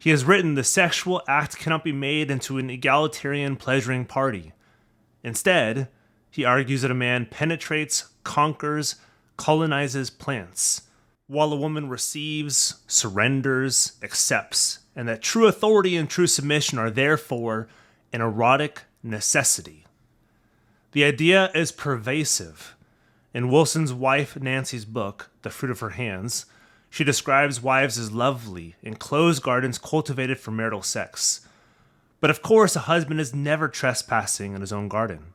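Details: Adult man narrating; normal speech.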